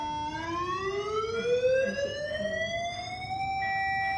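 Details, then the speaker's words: Defibrillator being charged in an ICU tutorial for unsynchronized shock in VT/VF, with energy set to 200 J (maximum 300): a steadily rising electronic whine that levels off into a constant tone at full charge. "Ya intinya ya gitu langsung dic ya casnya ini tekan dua-dua ya"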